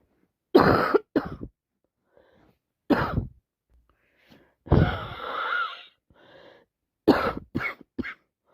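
Several loud coughs come in short bursts with throat clearing and a longer rough exhalation between them, in a person with a bad cold.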